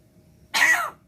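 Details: A talking beo (Indonesian pet bird) mimics a single harsh, cough-like burst of about a third of a second after being prompted with "batuk-batuk"; imitated cough.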